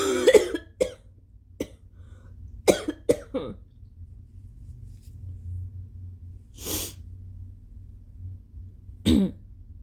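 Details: An adult with a stuffy nose and a lingering illness coughs several times with a loose, phlegmy, wet productive quality, between two long noisy nose blows.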